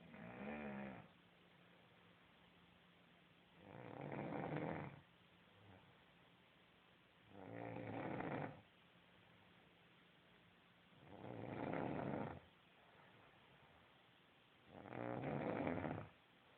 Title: snore king???